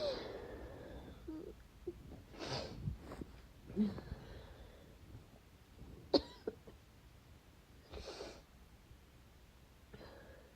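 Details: Repeated sneezing of unknown cause with a badly tingling nose: several wet, forceful sneezes with sharp bursts of air, separated by sniffles, quiet breathing and a bit of dry coughing, with nasal congestion.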